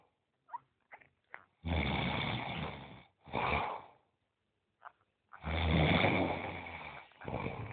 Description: its thetime when my roommate sleeps tight & keeps others awake-to experience this moment plz keep the volumes high...njoy.